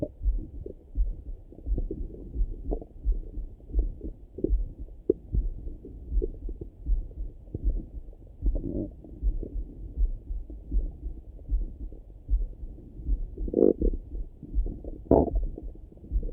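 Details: Morning stomach rumbling through a stethoscope: muffled low rumbling and soft irregular gurgles, a couple of louder bubbling gurgles near the end; ordinary bowel sounds (borborygmi).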